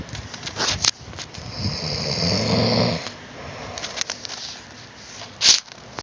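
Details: Person snoring while asleep: one rough, rumbling snore on breathing in, heard through handling noise and bumps from the recording device.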